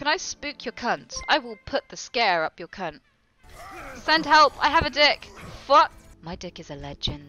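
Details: Tourette syndrome vocal tics, including involuntary swearing and phrases during a live stream.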